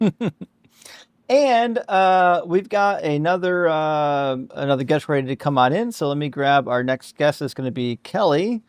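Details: Adult male speaker; Normal speech.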